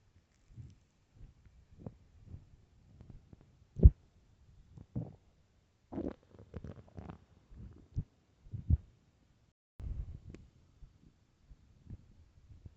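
Irregular low gurgles and rumbles from the belly, some loud and drawn out: hunger growling of an empty stomach, a normal bowel sound.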